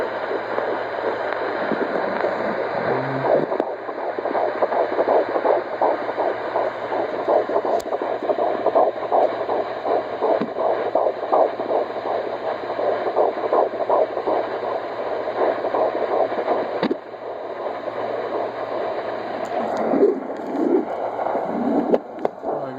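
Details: Fetal heartbeat at 13 weeks of pregnancy on a rented home handheld Doppler: rapid, steady whooshing pulses at about 160 beats a minute; baby's rate ranges 155-170.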